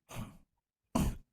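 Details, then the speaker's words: Two short, harsh, dry-sounding coughs with a brief pause between, from an adult who says they have been coughing non-stop and their voice is affected, in a quiet room: cough. "I've been coughing non-stop and it's I wasn't supposed to speak"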